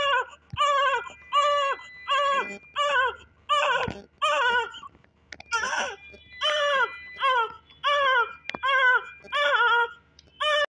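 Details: Female newborn just after hospital birth: strong, clear, rhythmic crying in repeated bursts with quick breaths between; vigorous first cry.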